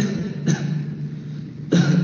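Two short cough bursts heard through a stethoscope, used to judge whether a cough is dry or wet.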